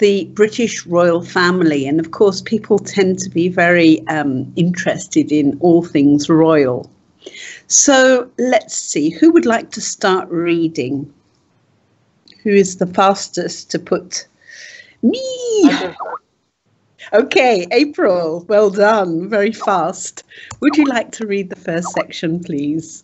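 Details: Adult female speaker; typical speech.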